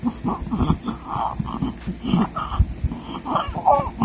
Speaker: every time he would breastfeed or drink breast milk from a bottle we noticed that he would have these choking episodes where it sound like he was gasping for air or choking on milk you know whenever he would swallow